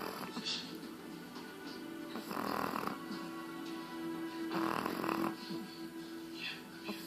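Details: Chihuahua snoring: two rough, buzzing snores over about seven seconds, faint music in background.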